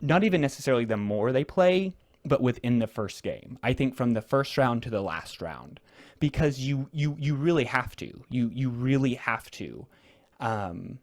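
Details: Real conversational speech from a man who stutters, a returning podcast guest describing a social strategy game; repetitions are audible; stuttering.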